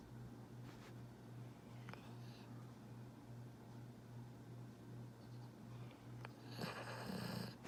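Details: Tyler, a rescue pit bull napping in a chair, a loud snorer: low, rumbling snore, steady throughout with a louder snort near the end; ordinary dog snoring.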